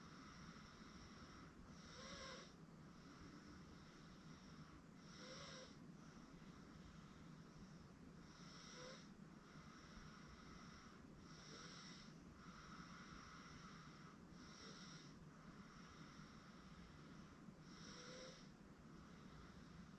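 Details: 8-month-old girl sleeping on a futon with soft, regular snoring breaths, about 18 a minute, over a steady background hum: infant snoring.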